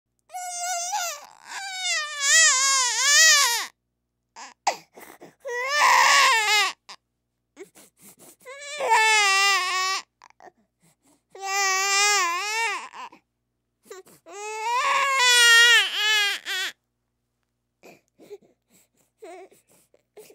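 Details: A sound-effect library recording of a baby crying: loud, high-pitched wailing in repeated bursts with short pauses between them, a typical infant cry.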